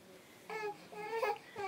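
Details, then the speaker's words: Three-month-old baby boy cries in short, high-pitched bursts with a clear tone and brief quiet gaps, while a mother soothes him; infant crying. "baby stop crying [Music] um [Music] [Music] baby [Applause] why are you crying why are you crying sweetie"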